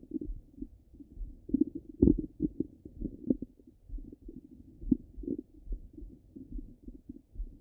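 Low gurgles and rumbles come in irregular bursts; ordinary stomach rumbling, normal bowel sounds.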